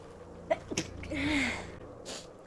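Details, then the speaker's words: Streamer with bad allergies who keeps sneezing: a single sneeze, a short in-breath and a sharp burst out, then quiet room noise. "yeah oh my god the sneezing is ridiculous today"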